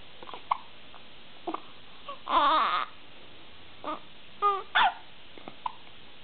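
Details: One-month-old baby: brief, abrupt catches in breathing recur among soft whimpers and short cries; infant hiccups.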